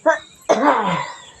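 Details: Elderly woman coughing in a small room in a comedy clip: a short voiced sound, then one abrupt, harsh cough with a trailing vocal tail.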